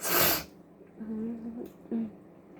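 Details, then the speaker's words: Adult sick with a cold caught from a contact, coughing and sneezing, too sick to get out of bed: one loud, sharp sneeze with a burst of air, then brief voiced sounds and a quieter breath. "i have like a whole list of things i need to do but besides for coughing and sneezing and everything else you know"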